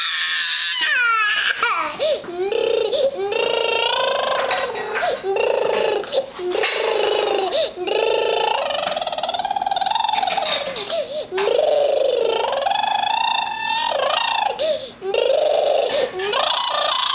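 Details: Child crying: loud, sustained wailing with sobbing breaths between cries.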